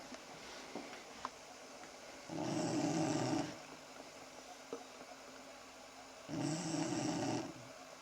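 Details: Four-year-old girl snoring "like a pneumatic drill" in early summer 2008: two steady, rumbling snores on the breath in, about 15 breaths a minute, over quiet room noise.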